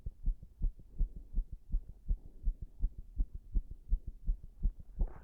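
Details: Heart sounds recorded while standing pressed against a wall after an all-nighter without sleep: fast beats with uneven spacing, an irregular rhythm.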